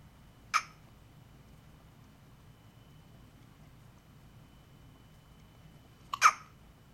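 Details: Hiccups recorded at home.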